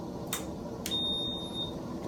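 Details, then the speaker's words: Newport HT70 Plus portable ventilator switched on with its toggle switch: a brief, high electronic beep and tone over room noise, the normal start-up signal. "make a little beat will be a nice little voice that tells you this is the HD 70 that we're so while it's doing that you want to get your circuit out"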